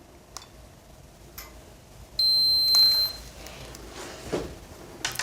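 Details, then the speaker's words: A single steady high-pitched electronic beep lasting about a second with faint clicks: an enteral feeding pump confirming start-up after holding Start 2 seconds, for feeding via a gastrostomy button. "vous appuyez sur le bouton Start 2 secondes pour démarrer la"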